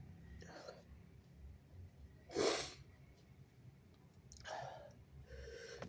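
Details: Stuffy-nosed person (he/they) pinching the nose to stifle a sneeze: one muffled, partly stifled sneeze with quiet breathy sounds before and after it.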